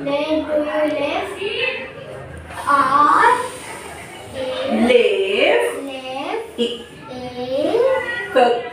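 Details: Child with adult therapist; echolalia.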